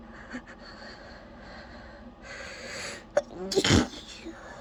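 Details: A person trying but failing to hold back sneezes: quick indrawn breaths build to one forceful sneeze, over light room noise.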